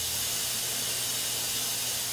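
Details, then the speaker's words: Steady airy hiss with a faint low hum as compressed air flows from the tubing of a Yirro-plus Comfort self-cleaning dental mirror, switched on with adjustable air pressure; dental mirror air flow. "And once that switch is activated, you have an adjustment to adjust air pressure. So you can either have minimum pressure or you can have a lot of pressure depending upon whether you're creating a large spray or minimum water spray."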